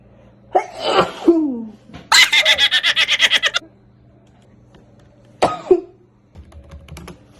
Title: Sneezing Is The Best Thing That Ever Happens To Me